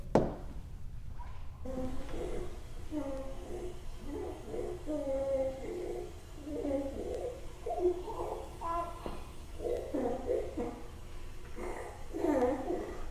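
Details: Young child with croup making repeated harsh, high-pitched, voice-like noises with each breath over faint room noise; stridor.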